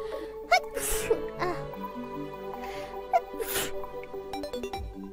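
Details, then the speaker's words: Two loud, hissing sneezes with short vocal bursts between them over background music during a livestream; sneezing. "me [Music] stop sneezing wait wait [Music] thank you thank you chat"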